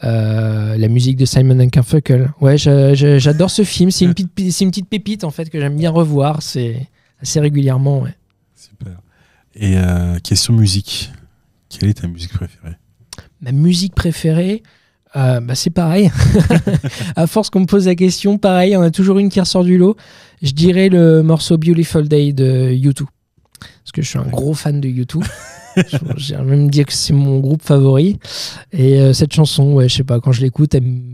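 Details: Stuttering in a 31-year-old man, now mild after much practice; part-word and whole-word repetitions audible.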